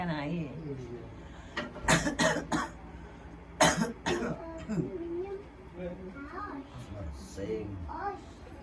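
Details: Two short bouts of harsh coughing, about five coughs in all, between stretches of quiet talking in a small room, recorded during a nerve therapy session for cough: ongoing cough.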